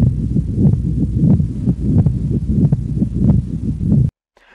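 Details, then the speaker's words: Pericardial friction rub: scratchy, rasping heart sounds with repeated rough bursts at about 91 per minute. "it is best Hur during expiration when the patient is sitting up and leaning forward that is called as pericardial friction rub this is how pericardial friction rub sounds"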